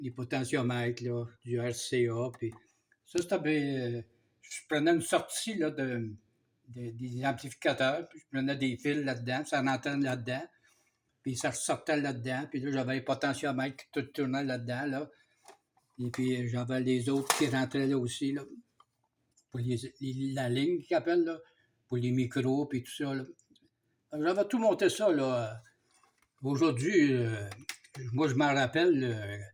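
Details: Man speaking French about two years after onset of aphasia; he is starting to understand things a little again; aphasia.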